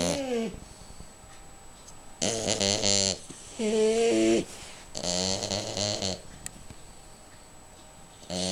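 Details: Snoring during sleep: loud, rattling snores with whistling, squeaky tones on several breaths, with quiet pauses between them.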